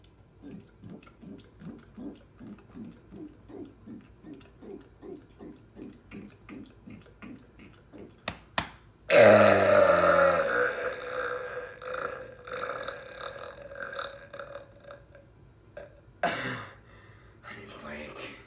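Quick rhythmic gulping or fizzing sounds, then a loud, long belch and a second shorter one: repeated burping after soda.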